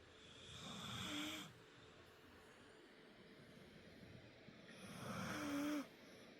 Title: Sleepy Snoring